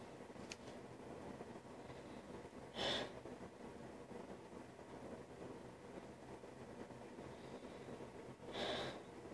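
Two short, sharp nasal snorts about six seconds apart over steady background hum; forceful snorting through the nose.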